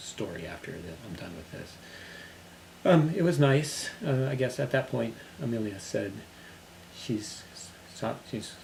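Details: Man recovering from global aphasia who has since returned to work; global aphasia.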